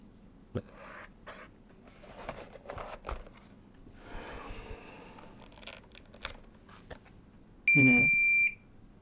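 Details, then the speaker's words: Philips HeartStart FRx semi-automatic AED self-test: handling clicks and rustling, Finnish voice prompts "testing in progress… ready for use", then one clear high-pitched completion tone. "Testaus meneillään. Testaus meneillään. Käyttö valmis."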